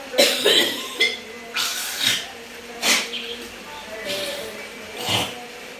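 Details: Harsh repeated coughing, about six coughs, with strained throaty retching between them; a cough severe enough to cause gagging.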